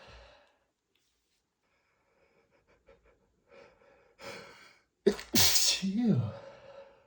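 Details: Allergic sneezing flared by dust from cleaning books on a bookshelf: quiet breathy sniffs building up, then a forceful sneeze with voiced release.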